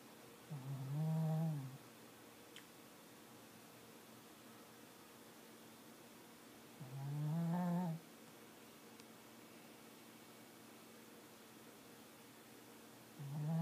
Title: snoring